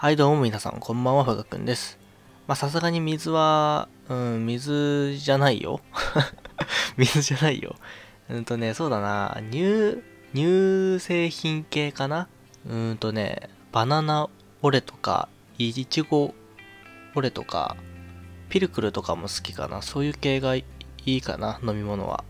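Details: Stuttering in a man who says he has stuttered since about age 2 and attributes it to childhood stress.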